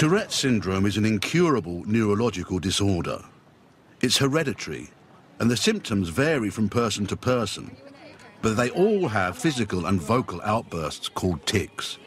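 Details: Adult male narrator; normal fluent speech.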